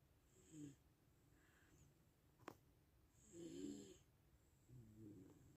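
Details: A relaxed dog snoring at rest: soft, slow snoring breaths about every two seconds with faint whistling, in a quiet room.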